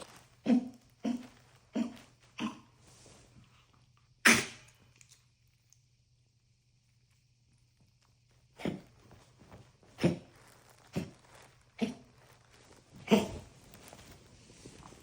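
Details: Pet animal coughing fit: repeated short, harsh cough bursts in two clusters around a quiet pause.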